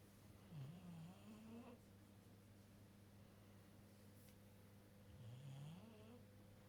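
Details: An almost 2-year-old bulldog snoring: two low, rattling inhaled snores about four seconds apart over a steady background hum.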